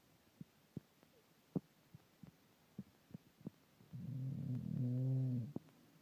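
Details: English bulldog snoring: soft irregular snorts and clicks, then a long, low, droning, buzzy breath sound.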